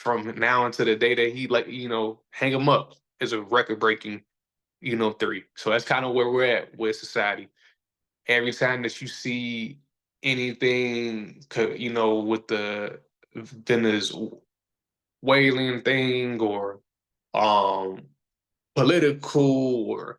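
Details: Stuttering in a male podcast host who says people see or hear his stutter, that he is still sometimes a little insecure about it, and that years ago he felt he had to hide it.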